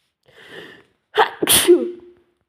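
A quick breath in, then one sharp explosive sneeze with a voiced tail.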